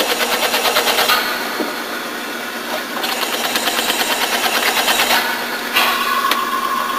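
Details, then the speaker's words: VDR4 high-frequency percussive ventilator on ex vivo pig lungs, oscillatory and demand CPAP removed, pulsatile flow rate about 15 per minute: rapid mechanical rattle of about three pulses a second in bursts separated by brief pauses; high-frequency percussive ventilation, pulsatile flow. "take that off and now we're just ventilating at pulsatile flow rate at approximately 15 a minutes"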